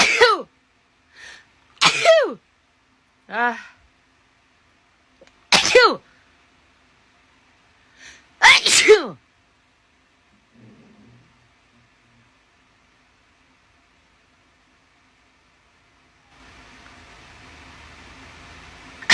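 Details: Several sharp sneezes in quick succession, set off by a COVID-19 nasal swab test, then quiet and faint room noise.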